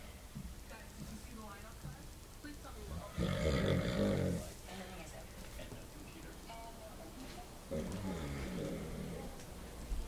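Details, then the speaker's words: A father snoring very loudly: loud, rough, rattling snores on breaths in, over background talk and room noise; heavy snoring. "Yeah, you were snoring so loud. Oh my god."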